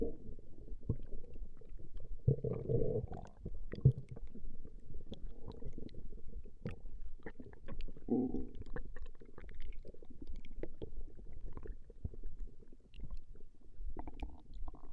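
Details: Female's stomach growling recorded over a 20-minute session: low gurgling rumbles recurring over steady low background noise, ordinary borborygmi.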